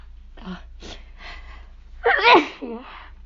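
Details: Someone sick with a cold and losing their voice, trying to provoke sneezing: a few breathy, squeaky catch-breaths build up, then one sneeze bursts out with a short gasp after it.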